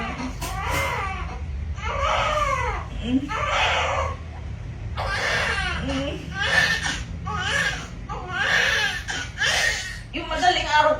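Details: A newborn just after a normal delivery at a clinic, the mother a walk-in patient whose waters broke at home: repeated strong cries with short breaths between them in a small room, a vigorous normal newborn cry.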